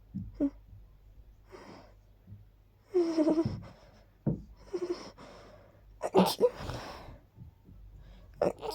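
Several quiet, quick little sneezes in a row, with soft breaths between them in a quiet room.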